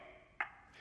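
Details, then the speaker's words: ZOLL AED 3 in a training demonstration, after "no shock advised, start CPR": a single short clear beep over quiet room noise, the AED's CPR metronome tone for pacing compressions. "to match the tone the AED 3 is monitoring and reminding me to start CPR"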